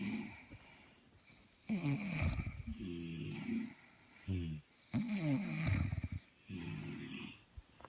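Loud, rough, rattling snores during breathing in, with quieter breaths out between them. Snoring.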